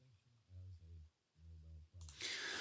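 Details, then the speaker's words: Simulated severe-to-profound right-sided hearing loss (left mild/moderate): male voice reading, heard through the right ear as very faint and muffled, no intelligible words, almost seeming silent. "So very, very quiet. I'm struggling to work out any words that are being said. There is simulation going on, but for the most of you watching this video, you would assume that there's no sound at all."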